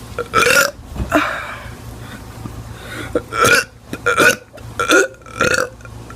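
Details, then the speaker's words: Teenager doing deliberate burps on camera: a run of about six loud, drawn-out voluntary burps with short pauses between them. "i'm gonna be doing teen during burps i don't know but um let's just do it oh god"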